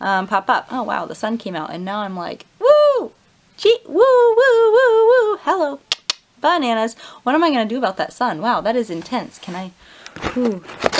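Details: Adult woman with Tourette syndrome, tics spiked after a stressful night; vocal tics breaking into speech, set off by sunlight through the window; vocal tics (Tourette syndrome).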